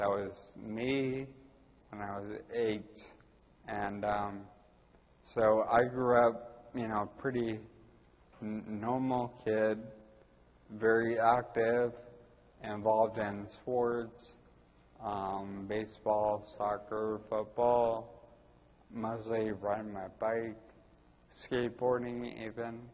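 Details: Ataxic dysarthria in a 41-year-old man with Friedreich's ataxia diagnosed at almost 20.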